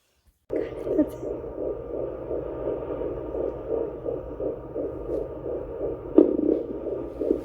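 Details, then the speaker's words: Fetal heartbeat on Doppler at the 12-week first-trimester appointment, first time heard: rapid regular whooshing pulses over a steady hum, roughly 160 to 190 beats a minute. "we did a doppler so i gotta hear my baby's heartbeat for the very first time"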